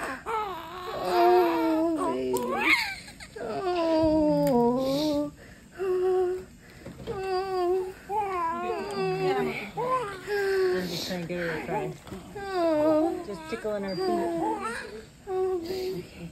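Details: Newborn's cry just after an unmedicated natural hospital birth of a first baby: repeated wavering cries in short bursts with brief pauses, a strong healthy cry, with quiet voices in the room.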